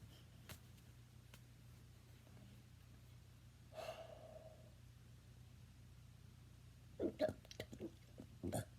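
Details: Person attempting rapid burps: a single drawn-out burp, then a quick run of several short burps in a row against a steady low hum; seven burps in three seconds claimed.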